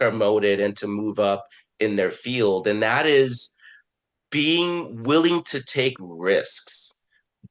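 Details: Adult man who stutters, with repetitions and filler words; stuttering.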